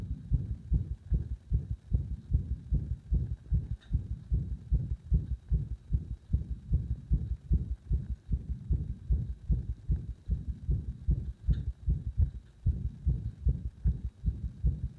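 Rapid low heart thumps around 150 a minute, slightly uneven in rhythm; heartbeat under increasing pressure with an induced arrhythmia.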